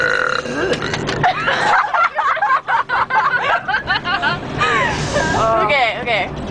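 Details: Voluntary prolonged belch during a burping contest on a charter bus, after energy drinks, candy and soda: a long, rough burp breaking into gurgling voiced pulses, with laughter and talk around it.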